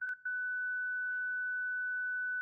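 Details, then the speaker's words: Zoll Zenix hospital defibrillator/monitor with internal paddles (spoons), instructional demonstration: after the energy level is selected and charge pressed, a steady high electronic tone sounds continuously with a faint voice prompt; defibrillator charging tone. "Provider 1 uses the energy select key to choose the desired energy level, then presses the charge button."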